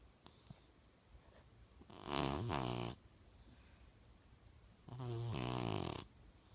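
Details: Young blue British Shorthair cat snoring: two rattling, low-pitched snores on the in-breath, roughly three seconds apart, separated by quiet pauses in a still room.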